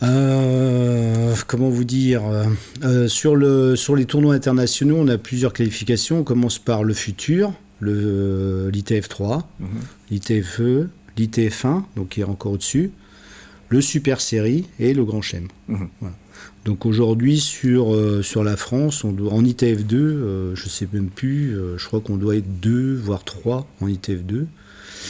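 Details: Adult male speaker; ordinary speech.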